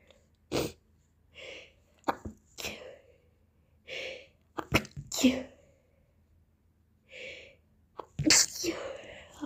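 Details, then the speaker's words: Person with a cold caught the day before, annoying nose, sneezing repeatedly: several sharp, explosive sneezes each preceded by a quick indrawn breath, in a quiet room. "I'm sneezing the whole time um so I'm going to show you some sneezes of mine let's"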